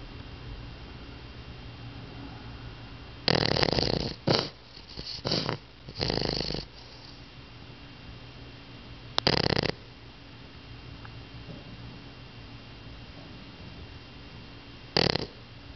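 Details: Pet snoring so loudly he no longer sleeps in the owner's room: irregular loud snorting snores in short bursts separated by quiet pauses, described as snoring like an old man.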